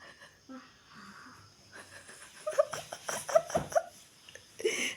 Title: niruin suara ngorok a ung🤣